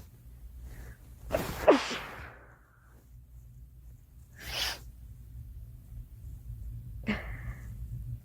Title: Girl sneezing 20